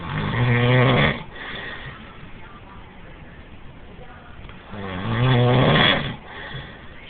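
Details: Adult man in a firehouse bunk room, filmed on a mobile phone: two loud, rattling snores on inspiration separated by a quieter exhale. Heavy habitual snoring.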